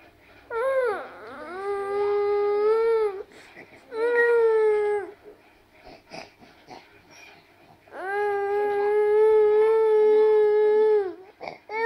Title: Funny Babies Crying